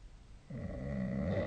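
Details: Single low, rumbling snore rising in loudness during one inhaled breath in sleep; snoring.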